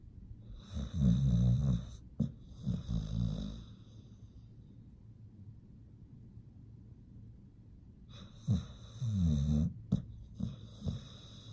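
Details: Pit bull dog asleep and snoring: deep, rumbling fluttery snores with a quiet pause between breaths.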